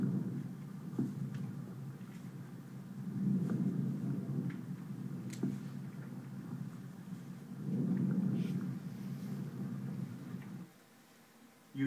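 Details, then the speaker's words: Stethoscope over the peripheral lung fields, clavicles to T9: soft, low-pitched rustling breath sounds, longer on inspiration than expiration; normal vesicular breath sounds. "over peripheral lung fields from the clavicles to T9 you should hear vascular sounds they are soft low pitched rustling sounds that are longer on inspiration than expiration they sound like"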